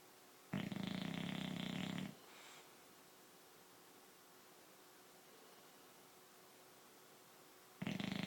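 Long, loud rattling breaths in with quiet breathing out between them, about one snore every seven seconds, typical of a sleeping dog snoring.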